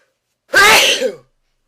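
One loud, sharp sneeze burst with a short voiced tail in a quiet room; an ordinary sneeze.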